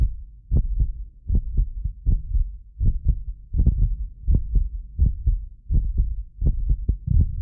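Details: Real heartbeat of a medically fit person recorded with multiple precision contact microphones: steady low lub-dub at about 82 a minute, occasional doubled clicks from a ~6 ms delay between microphones, not heart disease; normal heart sounds.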